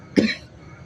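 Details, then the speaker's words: Adult giving a single short, explosive cough performed for comic effect, joking that the cold brought on the cough. "Ais so dingin batuk kita ini. Tidak ada kehangatan dalam hidup."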